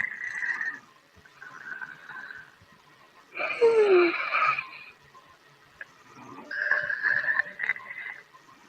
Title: Sleeping & Snoring Part 35